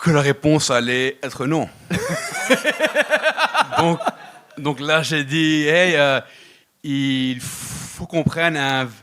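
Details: Adult male comedian speaking French who stutters and blocks on words; stuttering.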